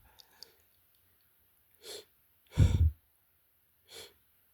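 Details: Three short, muffled, held-back bursts, the middle strongest, as the person struggles to stifle strong sneezes and mentions itchiness: stifled sneezes.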